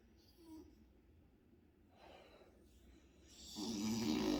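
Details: A brother sleeping in a dark room: quiet breathing builds into a loud, rough snore at the end of the breath in.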